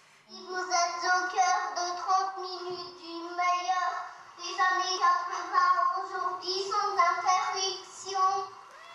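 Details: 12-year-old boy with Asperger syndrome, in a home recording, repeating a sentence he heard on the radio; delayed echolalia.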